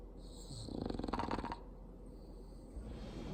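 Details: Female bulldog snoring loudly: a single fluttering, rattling snore on the in-breath, with hissing room noise around it.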